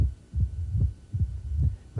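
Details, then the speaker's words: Low-frequency diastolic rumble heard with the bell at the apex, with a presystolic component that stops at the QRS; mitral stenosis rumble. "this murmur says you have to use the QRS here to get your timing when that QRS pops up this murmur stops does your brain wants to put everything in systole so we got low frequency we were heard with a bell at the apex pre systolic component"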